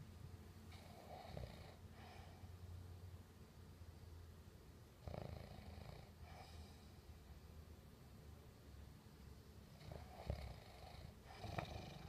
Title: How to stop snoring ????????